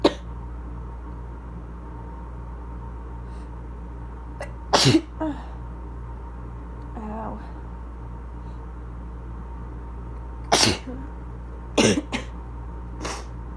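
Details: Chesty sneezes from a person with asthma during a coughing episode: several sharp, explosive sneezes, some followed by a quick second burst, over a steady low room hum.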